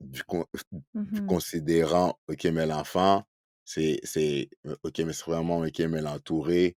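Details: Adult man who stutters, spokesperson for a Quebec association for children who stutter, speaking French; stuttering.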